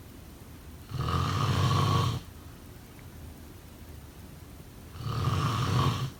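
Two long, deep, rattling snores on breaths in, with quiet gaps between them: typical snoring during sleep.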